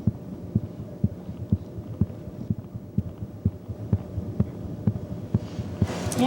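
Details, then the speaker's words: Young girl in intensive care doing well, with good heart rate and blood pressure; stethoscope heartbeat at about 125 a minute, normal-sounding heart sounds. "yeah sounds good yeah hear a difference yeah no yeah she's doing really well and uh her heart sounds good"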